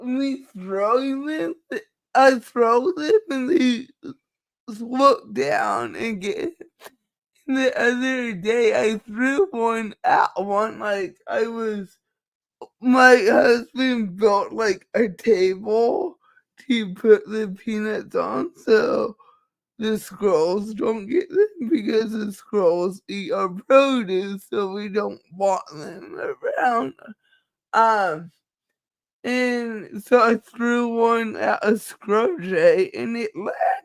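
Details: Dysarthria due to cerebral palsy in a woman, who states nothing can be done about it.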